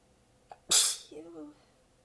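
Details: Part of a long, tiring sneezing fit; sneezer exhausted with sore abs, partly biting sneezes back: a soft catch, then one hissing, partly held-back sneeze and a brief groaning breath out.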